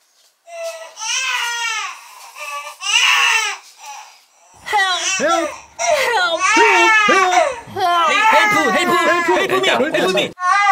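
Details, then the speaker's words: Infant daughter, being breastfed, cries in repeated high-pitched wailing bursts with brief pauses for breath in a small room while her parents cook ramen; infant crying. "(Preparing the Ramen) (Suddenly ou baby started crying again)"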